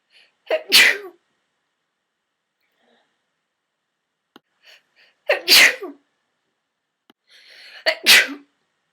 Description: Last night i was eating mints and they kept making me sneeze, so I recorded these sneezes in my bathtub.